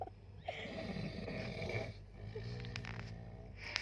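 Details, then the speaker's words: Loud, rough snoring from a sleeping adult man, a fellow passenger on an overnight train to Kolkata, who snored all night and kept others awake: two long rattling breaths over steady rumbling background noise. "আমরা এখন নাক ডাকার শব্দ শুনছি, নাক ডেকেই যাচ্ছে, কিছুতেই নাক ডাকা আর থামছে না।"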